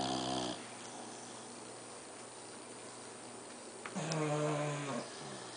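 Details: Four sleepers snoozing; a single low, buzzing snore on an in-breath, followed by quiet; ordinary snoring.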